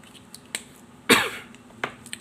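A single short, sharp adult cough with a brief trailing breath, among faint clicks in a quiet small room.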